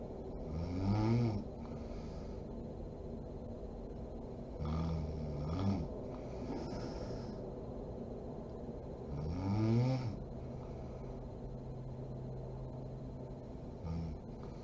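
Deep rattling snores on breaths in, about every 4 to 5 seconds, roughly 13 breaths a minute, over steady background hum.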